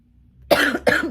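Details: Cough.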